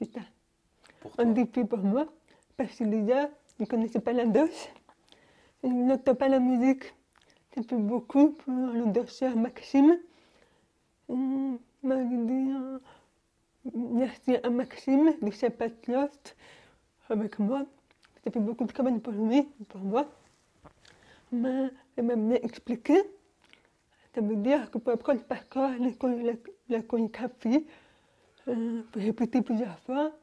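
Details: Young woman born deaf, using hearing aids since birth and recently new hearing aids, speaking French orally while lip-reading; finding: speech of a person deaf from birth.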